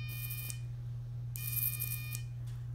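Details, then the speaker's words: Electrocautery during removal of a lipoma in a relaxed, awake patient, which had kept growing over about five years: low steady buzz with two high-pitched bursts and hiss as oozing small blood vessels are sealed. "cautery that just stops a little baby blood vessel so i can see what i'm doing easier"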